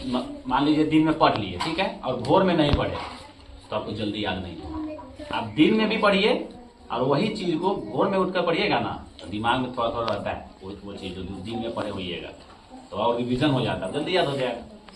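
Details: Adult man speaking Hindi; normal speech.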